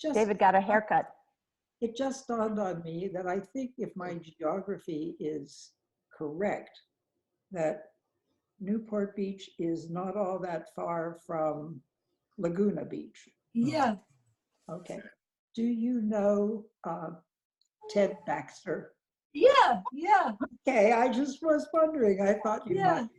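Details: Adult woman speaking, with brief replies from another voice; normal conversational speech.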